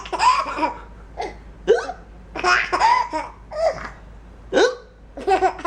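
Repeated short, sudden voiced catches mixed with laughter-like sounds, about six in under six seconds; consistent with hiccups.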